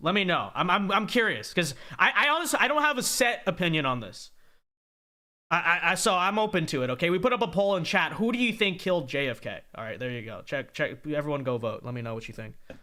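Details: Adult man speaking; ordinary speech.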